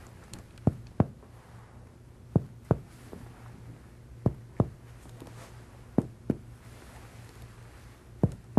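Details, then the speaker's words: Percussion of the anterior chest of a healthy patient lying supine: ten hollow, low-pitched taps in five evenly spaced pairs, giving a normal resonant percussion note over the lungs. "if you want to check the level of the right diaphragm anteriorly percuss from resonant lung downward to liver dullness"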